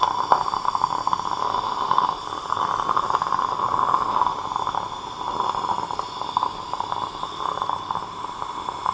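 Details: Steady mid-pitched motor whine with slight wavering as the first implant is driven through a surgical guide to seating torque in fully guided surgery for an implant-supported overdenture.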